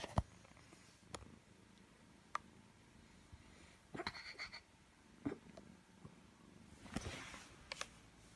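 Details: Cat fast asleep in a bed snoring: soft, low rumbling breaths rising every few seconds over faint room noise, with a few clicks.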